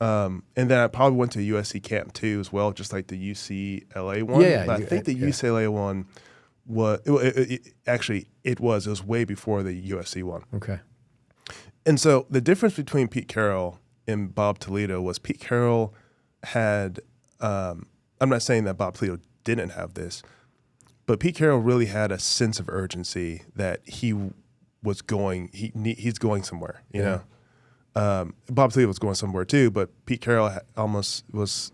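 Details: Adult male former professional football player with a stutter since childhood, described as really bad growing up, always worked on and still present now, with a struggle communicating verbally; stuttering.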